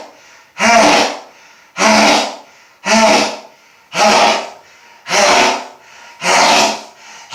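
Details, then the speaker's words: Sneezing after deliberately sniffing pepper: six loud, forceful sneezes in quick succession, each with a sharp inward breath first. The sneezer says they have sneezed loudly all day and their throat hurts. "oh i hate the pepper hey hey hey [Music] oh see what it does to me but i had a good request for my number one fan to do this that was a lot of sneezing"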